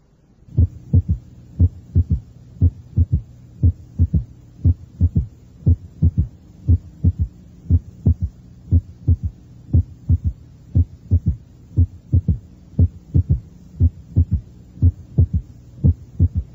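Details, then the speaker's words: Apex auscultation, review example 7 of a cardiac auscultation teaching recording: slow regular heartbeat near 60/min, normal first and second heart sounds, with an added soft low third heart sound (S3) after S2, of varying intensity. "se oye un tercer ruido cardíaco el primero y segundo ruidos cardíacos son normales añadiré el tercer ruido cardíaco variando su intensidad"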